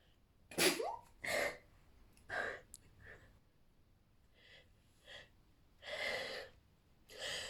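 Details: Compilation of one person's sneezes, a run of about six bursting sneezes in quick succession, some with a sharp in-breath before; repeated sneezing.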